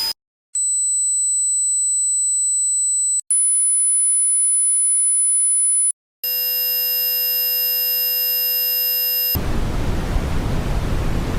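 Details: Simulated tinnitus sounds played in turn: a high steady tone, a shrill whistle, a buzzing multi-tone hum, then a hissing noise; tinnitus simulation.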